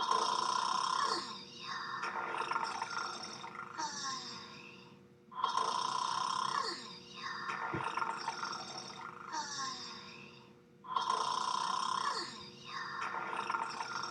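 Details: Two people snoring in bed at a hotel: loud rasping snores repeating roughly every five seconds, each with a noisy inhale and softer exhale.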